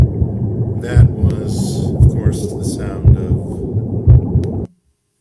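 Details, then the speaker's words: Deep muffled rushing with low thumps about 58 a minute: the mother's heartbeat, breathing and body sounds as heard from inside the womb, said to be audible from about 15 weeks of gestation; intrauterine sounds. "the inside of the womb it's one of the first acoustic stimulus stimuli i guess because there were multiple sounds that you heard started about the time you were 15 weeks old"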